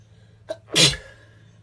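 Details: A quick in-breath followed by one sharp, loud, explosive sneeze.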